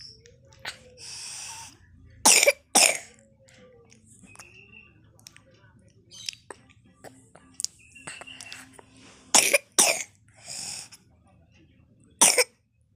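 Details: A child who is sick coughs in several sharp bursts, single and paired, with quiet vocal sounds and room noise between them.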